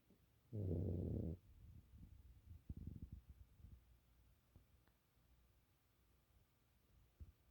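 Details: A sleeping Chihuahua snoring: one loud, low, rattling snort, then quieter low rumbling breaths.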